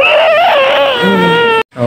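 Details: Newborn crying just after birth in hospital: a loud, sustained, tonal wail, slightly wavering in pitch, then a breath pause and a fresh cry begins.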